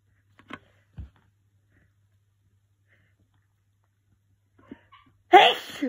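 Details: Congested allergy sneezing while cat sitting, after an hour of sneezing: a quiet, breathy build-up, then one loud, explosive, wet-sounding sneeze.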